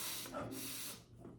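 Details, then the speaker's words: Imitated nasal congestion noise, contrasted with bronchiolitis wheeze in children: not the high-pitched, whistle-like, kitten-mew sibilance of wheezing, nor a chest rattle, but a nose noise. "não é ronco, não é ou uma reverberação, um tremer no peito, ou um barulho de nariz, que é o..."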